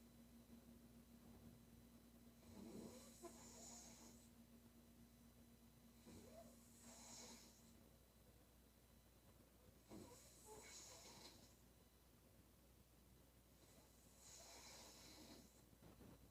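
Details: Female snoring: four rough, rattling snores about 4 seconds apart, roughly 15 breaths a minute, over a steady room hum.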